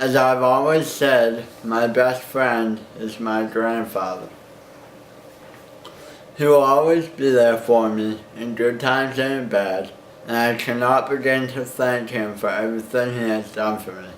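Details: Young man with cerebral palsy since birth from birth injury with brain hemorrhages; slower speech with slight impediment, still understandable; Botox in the tongue and muscle-relaxing medications did not help; mild dysarthria.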